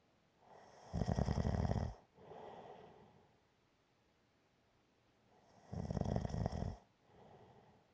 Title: Snoring - Gentle Snoring